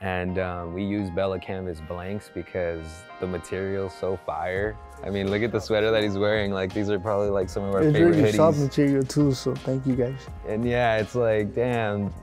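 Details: Adult male speaker; normal speech.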